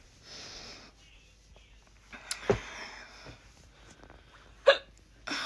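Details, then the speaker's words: Real, not forced, hiccups recorded on a handheld phone while doing laundry, in a bout lasting unusually long for this person: sharp, abrupt gulping sounds at irregular intervals with quiet room noise between them. "I haven't had the hiccups in a while but um I just got them a minute ago so I figured I would give you guys a little hicup video at least while I have them"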